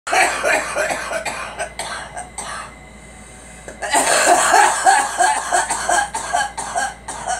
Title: Girl coughing